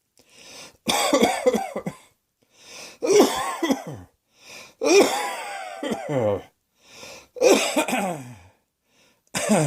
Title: Cross Dressing Coughing 1